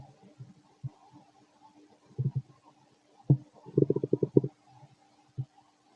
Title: Fit male stomach growling digesting